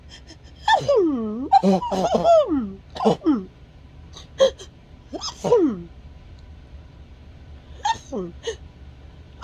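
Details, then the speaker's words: Person with Tourette syndrome and lingering COVID congestion: a rapid run of sharp, voiced, sneeze-like outbursts with swooping pitch, vocal tics set off by sneezing and coughing. "but you see it sets off my tics it sets off my tics really bad it makes my turrets go off"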